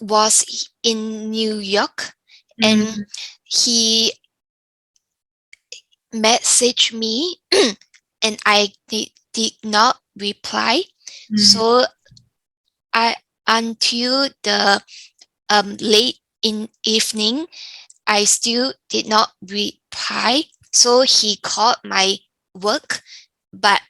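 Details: Younger adult woman with aphasia after a stroke from a brain AVM; pauses, fillers and grammatical errors; aphasia.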